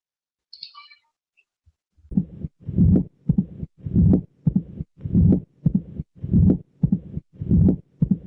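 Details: Mitral stenosis, heard best at the mitral focus in left lateral position and near the pulmonary focus: regular heart sounds about 50 per minute, sharp mitral opening snap after the second sound, then a low rumbling diastolic murmur. Teaching recording.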